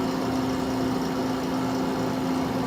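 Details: Caire Companion 5 stationary home oxygen concentrator running while the flow rate is being set: loud, constant low motor hum; concentrator operating normally.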